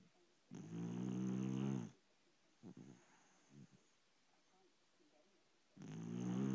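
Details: A sleeping pet dog gives two loud, rumbling snores about five seconds apart, with faint snuffling between; ordinary snoring.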